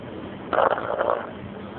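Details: Single rough, fluttering snore from a 7-month-old Olde English Bulldog sleeping, rising out of quiet room noise and fading in under a second.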